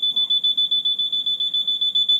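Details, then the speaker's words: Loud, high-pitched pulsing alarm at about five beeps a second: the audible alarm check during the pre-use device check of a Dräger Evita Infinity V500 ventilator being set up for a new adult patient. "asked me if I can hear that alarm I'm going to say yes"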